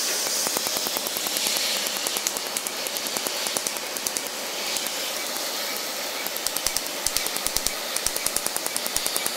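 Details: Q-switched laser firing during tattoo removal, with the patient wearing protective eyewear: rapid sharp snapping clicks, about 150 a minute, over a steady hiss.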